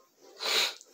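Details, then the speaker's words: A single sharp, hissing sneeze from a sick adult mother with a flu caught from her children, with watery eyes, runny nose, sore throat and cough. "And then cold the day, then I start sneezing, then I start run."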